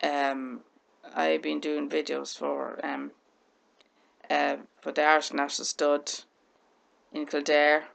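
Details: Severe stammer in an adult woman, present since childhood and caused by brain damage as a baby. It worsens under pressure, nerves and on camera, and she is fluent when calm and relaxed.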